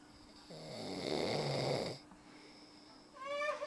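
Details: Loud snoring: a rough, rattling snore on an inward breath, then a quiet pause and a higher whistling sound as the next breath begins.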